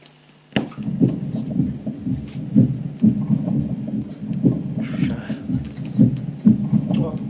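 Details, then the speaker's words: Teaching manikin: hollow, low-pitched, resonant breath sounds like blowing across a bottle's mouth, amphoric breathing. "هذا amphoric breath sound."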